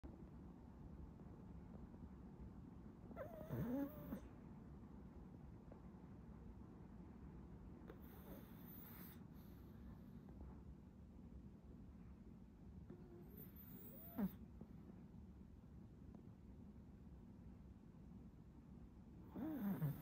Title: Puppy Snoring for 1 Minute | Poogie the Pug